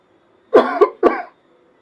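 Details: Fake, acted coughing staged as a "coughing up blood" prank on a wife: two harsh, voiced coughs in quick succession, not a real illness.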